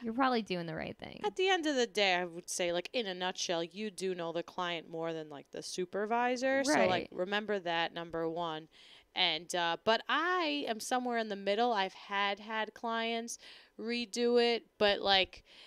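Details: Adult woman speaking; ordinary speech.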